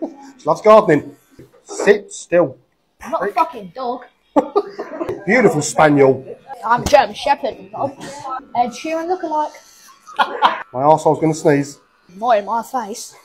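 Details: Tourette syndrome vocal tics in a child customer with Tourette's, producing out-of-context words while having his hair cut.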